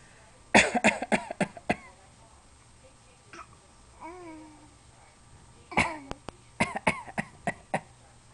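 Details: A child gives two runs of short, sharp, deliberate coughs with a brief vocal sound between them; a voluntary (fake) cough.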